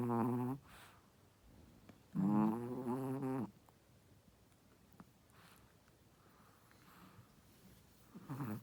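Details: Pregnant first-time-mother Shih Tzu snoring while asleep: loud, buzzy, tonal snores in three bursts with quiet breathing between.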